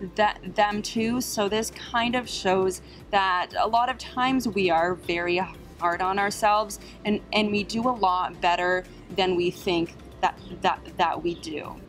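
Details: Adult woman with a stutter, closely related to social anxiety, with trouble on words she cannot change and on vowel sounds; stuttering.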